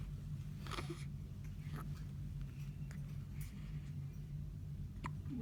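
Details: 3-day-old baby girl in hospital having her first hiccups.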